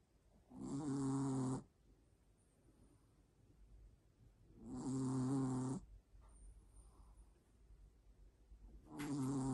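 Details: Chihuahua snoring: loud rattling snores on each breath in, about 14 a minute, with quiet gaps between; small dog snoring.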